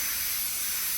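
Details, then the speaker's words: Steady high-pitched hiss of a high-speed dental handpiece cutting a tooth on a typodont practice model. This is proximal reduction to relieve the tooth, with rounding of sharp margins, in a stainless steel crown preparation. "The purpose of doing the proximal reduction is just to relieve the tooth from all the aspects."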